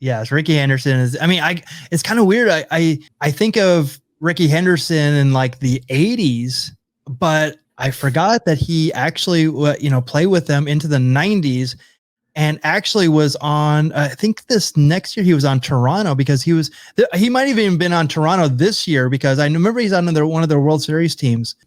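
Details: Adult male speaker; normal conversational speech.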